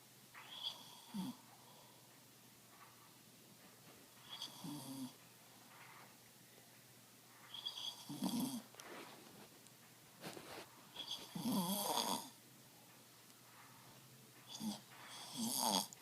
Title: Really Bad Snoring